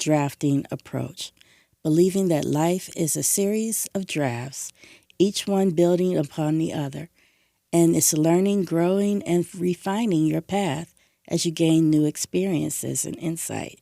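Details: Adult woman speaking; normal speech.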